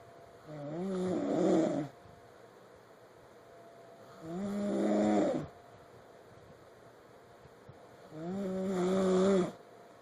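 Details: Three rattling, throaty snores on the in-breath, about 16 a minute, with quiet pauses between.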